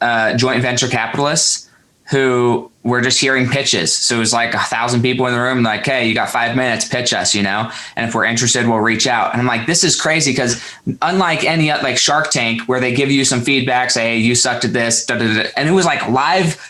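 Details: Adult male speaker; fluent conversational speech.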